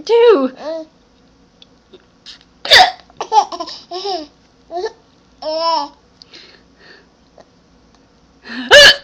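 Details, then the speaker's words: Hiccups: sharp, abrupt catches of the voice interrupting a child's babbling and laughter. "oh no do you have the hiccups now too oh no you have the hiccups"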